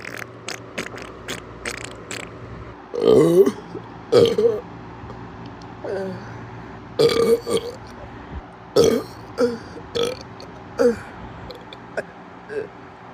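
A string of about ten loud, voiced belches over roughly thirteen seconds, with quieter clicks between them; repeated burping.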